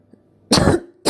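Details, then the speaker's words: Periodic dry cough of pulmonary tuberculous infiltrate (shadowing on X-ray, no cavitation yet). Mostly daytime and unnoticed by the patient, with no sputum: a short, dry, non-productive hacking cough. "у людей появляется периодическое сухое покашливание не завершающееся отделением мокроты она возникает больше в дневные часы и сам пациент обычно не обращает на него внимание Вот как оно звучит"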